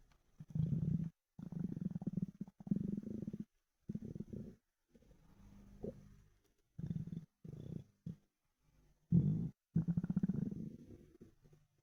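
Low, gurgling, growling rumbles in irregular bursts with short silences between; loud stomach rumbling from an empty, hungry stomach.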